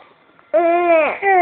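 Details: A short, high-pitched infant wail that dips briefly in pitch and then rises again; the baby is crying while having hiccups.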